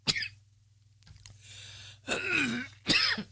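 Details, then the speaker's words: An adult man, tired after being in dust, gives short harsh coughs and rough throat-clearing sounds over a steady low hum. Cough and throat clearing. "I'm not gonna do it today cuz I'm very tired I've been in the dust you can hear me coughing"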